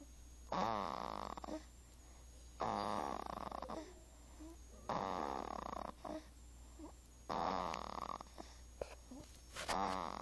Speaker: my snoring baby.